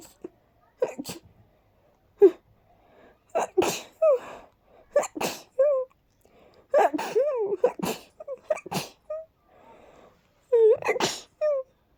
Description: I was cleaning and dusting for about 20 minutes straight, so, I'm not surprised 😅